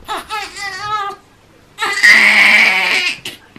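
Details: 3-week-old boy, parent suspects colic, inconsolable since midday, seemingly in pain: loud, high-pitched, strained crying in long wails with short gasps; infant colic crying.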